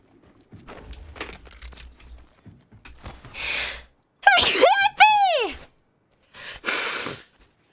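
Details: Person, possibly with hay fever, gives a sharp inhaled gasp, then a loud explosive sneeze and a second burst after quiet rustling and breaths: sneezing.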